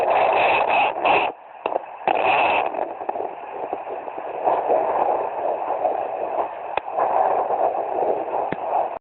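Steady whooshing Doppler noise with a fast pulsing rhythm and scraping probe sounds early on: a fetal heartbeat picked up by Doppler.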